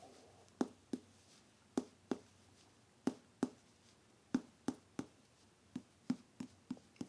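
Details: Abdominal percussion: tympany changing to dullness at the lower liver border (normal liver).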